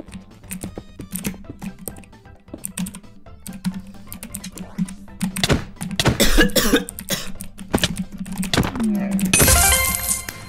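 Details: Adult gaming with a sore throat and teary eyes coughs harshly and explosively, repeatedly, over game music and keyboard clicks; cough.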